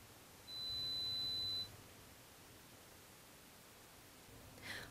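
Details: Adult pure-tone audiometry threshold search demonstrated in a hearing clinic, for a client reporting trouble hearing in background noise: a single steady high-pitched test-tone beep in 5 dB ascending steps until the client responds on two of three presentations.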